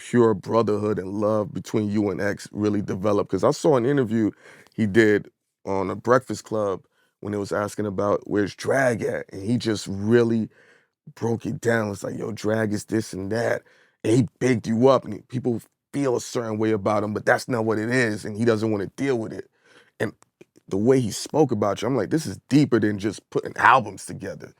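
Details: Adult male speaker; typical speech.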